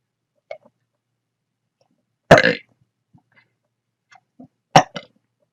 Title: Rapid hiccups and burps